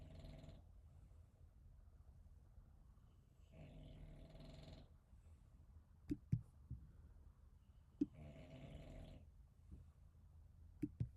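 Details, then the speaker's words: Rhythmic, low, rumbling snores from a sleeping dog, about 15 a minute, with sharp keyboard and mouse clicks in a quiet room during a live trading stream. "Bro, who's snoring? Damn, bro. What's that sound?"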